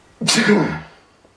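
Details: Person with daily allergies: a single loud, explosive sneeze with a sharp onset and a breathy fade, in a quiet room; sneeze.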